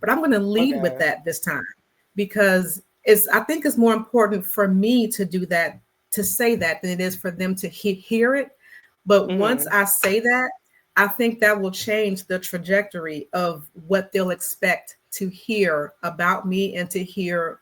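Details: Stuttering in an adult Black woman who describes herself as a person who stutters; conversational interview speech with word repetitions.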